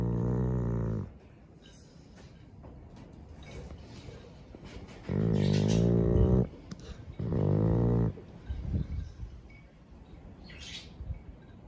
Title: Adorable Chow and His Snores 🤗😍